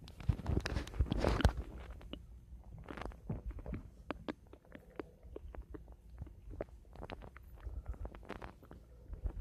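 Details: Own stomach: gurgling, bubbling rumbles with irregular clicks and pops as gas and fluid move; ordinary bowel sounds (borborygmi).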